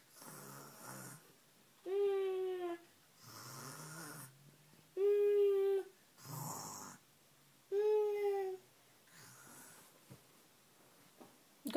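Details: A child pretends to sleep and fakes snoring: voiced, drawn-out growls alternate with breathy exhales in a slow, uneven rhythm; playful imitation, not real sleep.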